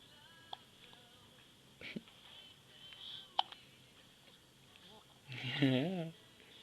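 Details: Baby hiccups: a few abrupt, sharp hiccup clicks with quiet adult voices nearby, ending in a louder vocal sound.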